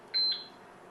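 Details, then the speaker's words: Baxter infusion pump programmed for a secondary infusion, 50 mL bag at 150 mL/h: single short high keypad beep on entering the secondary rate, over quiet room noise; normal device sound. "we hit secondary rate we'll put in the rate 150"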